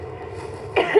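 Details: Adult female TV meteorologist starts coughing live on air during a weather report: quiet room tone, then two abrupt, harsh bursts close together, the start of a coughing spell.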